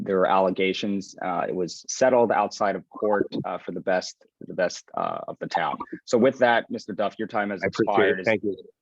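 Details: Adult man speaking at a meeting; normal voice.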